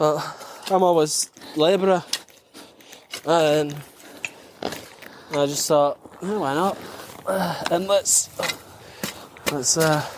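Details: Stuttering in an adult male veteran who says he is good at masking his stammer; it varies from days without stammering to times when he stammers, and is usually worse on the phone.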